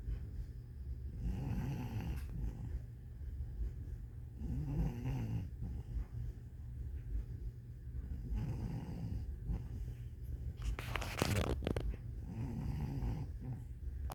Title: Lucy is snoring 20FEB23